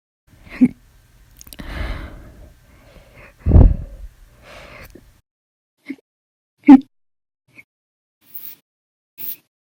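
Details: Abrupt, sharp hiccups from an adult at irregular intervals, some loud and some faint, with breathing between, after eating breakfast and lunch and drinking 2 cups of soda after dinner; episode lasted 10 hours 51 minutes.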